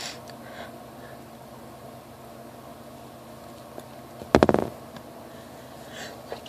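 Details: Adult woman sneezing during an allergy flare, with itchy, watery eyes: one explosive sneeze burst midway through quiet room noise, part of a sneezing bout.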